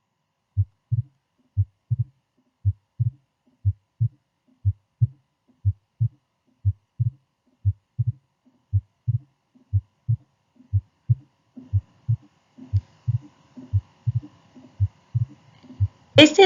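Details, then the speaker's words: Regular lub-dub heart sounds at about 60 beats per minute, highlighting the second heart sound (S2, "dub"), produced by closure of the semilunar (aortic and pulmonary) valves; cardiac auscultation teaching demonstration. "El segundo sonido cardíaco dub corresponde al cierre de las válvulas semilunares. Segundo sonido cardíaco."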